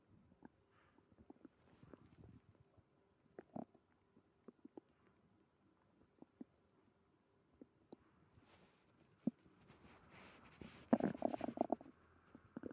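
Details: Stomach growling (borborygmi) with stomach pain after eating creamy pasta: soft scattered gurgles and clicks from the belly, then a louder bubbling burst near the end.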